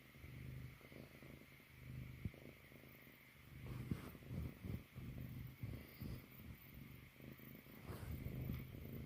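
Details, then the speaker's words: Sleeping, very tired Mastiff snoring: low, rumbling, fluttering snores in irregular bursts with snorting catches between breaths, likened to a failed chainsaw pull start. "That's like a failed pull start on my chainsaw. Oh, poor bear."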